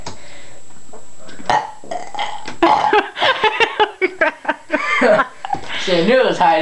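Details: Person burping after drinking, filmed casually while trying to pop knuckles: a series of loud, drawn-out burps mixed with brief talking in a small room.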